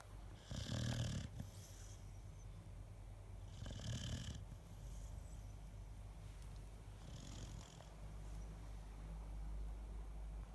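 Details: A sleeping dog snoring: three rumbling, snorting breaths about three seconds apart, roughly 18 a minute, over a low, steady background hum.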